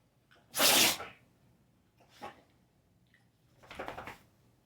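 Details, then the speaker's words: Rottweiler that wouldn't stop sneezing: one loud, sharp sneeze, then a small snort and a second, softer sneeze. "I don't know what that was bro is like sneezing I felt the floor shake"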